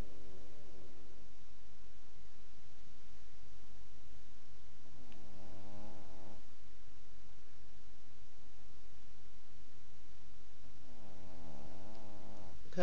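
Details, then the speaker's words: Small sleeping dog snoring softly: three low, rattly snoring breaths under a steady low room rumble. "You're too pretty to snore. You can't even hear me when you're snoring."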